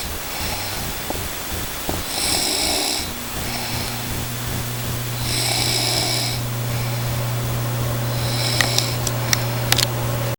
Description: snoring & sleeping